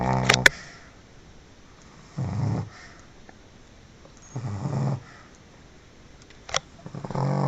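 Loud, rattling snores from a sleeping small dog, roughly every two to three seconds, with quiet pauses between them.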